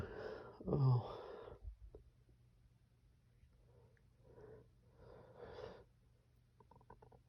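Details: One forceful sneeze followed by softer breathy sounds and quiet vocal noises, part of a series of strong, desperate sneezes with a few stifles; sneezing.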